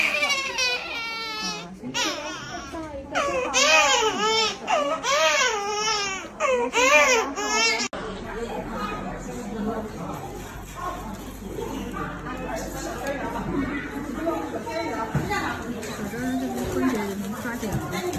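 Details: Newborn in hospital cries in loud, high, wavering bursts during a vaccination injection, then quieter crying with adults soothing; infant crying.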